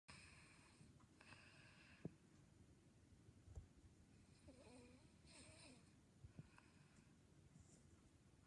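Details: Snoring from a young girl, the younger sister, who did not think she snores.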